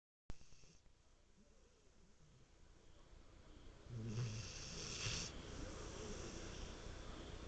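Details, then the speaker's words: Sleeping pet watchdog snoring: quiet breathing, then a louder snorting snore with a whistling edge. "Champ. Champ, are you snoring? Champ. Champ, what kind of watchdog are you?"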